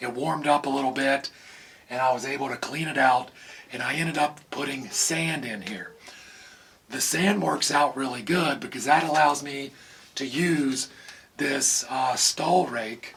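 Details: Adult man with vocal cord paralysis from surgical nerve damage in the throat, possibly temporary, making talking hard; vocal cord paralysis.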